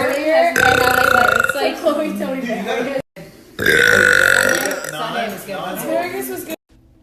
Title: New Youtube Short- Girl Burp - Burp Compilation - Part 2